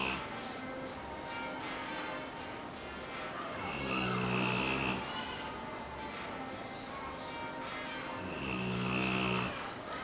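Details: Two loud, drawn-out rumbling snores about five seconds apart, with music playing in the background: snoring.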